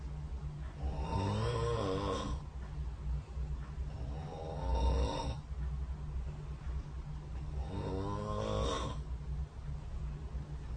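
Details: Three long, fluttering, buzzy snores on inspiration, recorded overnight by a snore-tracking phone app (SnoreLab) beside the bed, over a low room hum.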